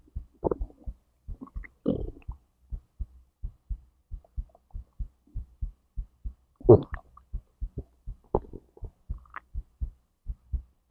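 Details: Own recording of a whole digestive process from stomach to intestines; regular soft heartbeat near 120 a minute with intermittent gurgles; normal bowel sounds with heartbeat.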